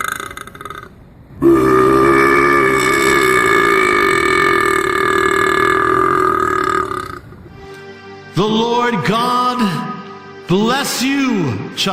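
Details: A long, drawn-out voiced burp, then several shorter burps, made on purpose over background music; deliberate burping.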